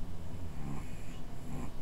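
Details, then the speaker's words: Pet dog snoring in the background while asleep: low, rumbling breath sounds repeating roughly twice in under two seconds. "okay my ear is throbbing and in the background my dog is snoring listen to this"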